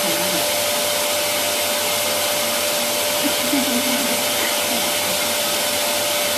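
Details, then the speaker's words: Benny nasal aspirator connected to a household vacuum cleaner and switched on to clear a small child's nose: steady loud vacuum motor roar with faint voices underneath. "semplicemente attaccato il tubo così e con un movimento accendiamo l'aspirapolvere facciamo vedere aspiriamo questo casino vai"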